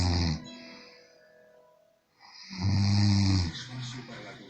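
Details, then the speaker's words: Man sleeping, snoring loudly like a locomotive: low rattling snore with pauses, each noisy inspiration vibrating roughly, faint music in background; heavy snoring. "parece una locomotora ese es el compin obvio el hombre de la cola el marido de la horita el marido de la flor y entre mujeres le ganó a sánchez con ese ronquido todas las mujeres lo ha hecho"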